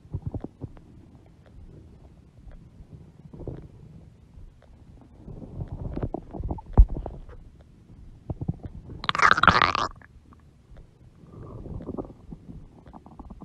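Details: A mother's huge belly with stomach growling (borborygmi): low rumbling and gurgling, with a louder, higher gurgle near the end.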